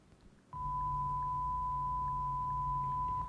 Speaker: So for hearing loss, we use pure tone audiometry. And in this test, pure tones are delivered, pure tones of different frequencies are delivered to both ears in steps of 10 decibel. Well, I'm going to play an example of a pure tone, so listen carefully.